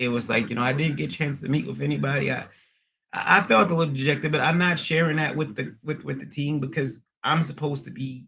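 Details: Man with acquired stuttering after a transient ischaemic attack around February 1, MRI showing some damage; speech not fully recovered, stutters occasionally; receiving physical, occupational and speech therapy and seeing a neurologist.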